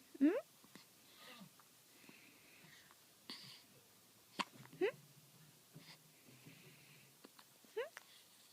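Three sharp, brief squeaky gasps, each a sudden catch of breath, with quiet room noise between them: hiccups.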